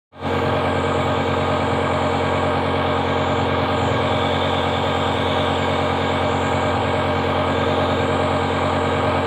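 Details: Steady loud mechanical hum with a fast buzzing pulse: a home nebulizer compressor running, used to give steam to young children with cold and cough.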